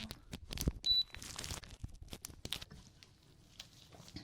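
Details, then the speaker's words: Simulated ASMR medical-exam roleplay, temperature taken in both ears while the patient stays still: one short high electronic beep marks a finished ear thermometer reading, among soft rustling and handling noise. "Okay, there's gonna be a beep when it's ready. Just stay still, stay still, stay still."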